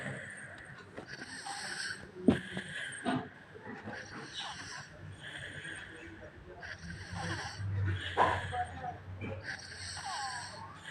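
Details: Sleeping child: repeated soft, hissing breaths with a faint rattle, about six cycles in eleven seconds, with background noise. Light snoring.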